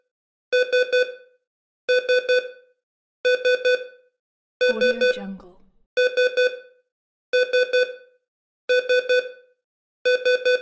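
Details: Sound-effect EKG heart monitor beeping: regular clusters of three short electronic beeps, about 44 clusters a minute, with a brief voice mid-way; not a real patient recording.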